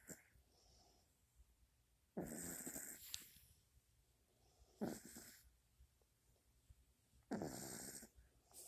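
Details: Young female pet, newly acquired, snoring: three raspy, fluttering snores on breathing in, a few seconds apart with quiet between; she snored a lot then.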